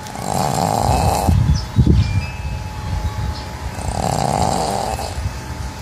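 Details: A sleeping pug snores loudly with rough, snorting snores in a noisy, irregular rhythm.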